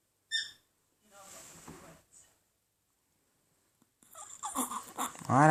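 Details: Inspiratory stridor in a boy with laryngomalacia: a brief high-pitched squeaky breath sound, then noisy breathing.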